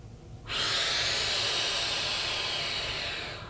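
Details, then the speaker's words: Turbuhaler demonstration for COPD patients: after exhaling, a short quiet pause, then one long, steady, airy breath in lasting about three seconds through the dry powder inhaler. "بعد که حاضر هستین نفس نف کنیم اینو می‌ذاریم وارد دهن و تا ۱۰ ثانیه نگه می‌داریم"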